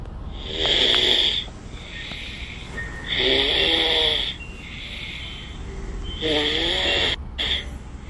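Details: Snoring recorded 6/20/2022: loud, whistling, high-pitched snoring breaths about every three seconds over steady room noise, a noisy airway during sleep.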